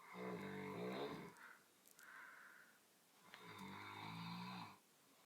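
Two loud, rattling snores on breathing in, with a quieter breath out between them.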